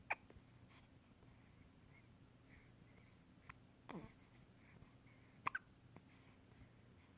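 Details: Hiccups: brief, sharp catches of breath recurring every few seconds over a quiet, hissy background.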